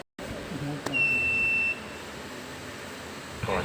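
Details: Automated external defibrillator (AED) in a Thai usage demonstration: a single steady electronic beep under a second as it switches on, over faint room noise; the normal power-on tone.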